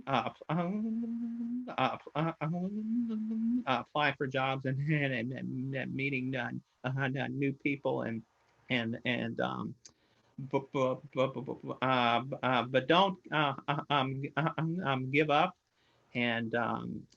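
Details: Man who stutters, more so with new people, under high stress and when questioned; uses a SpeechEasy device and is currently in therapy: stuttering.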